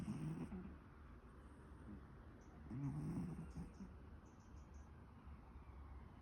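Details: Sleeping pet cat: soft, low rumbling breaths with faint throaty vibration; snoring.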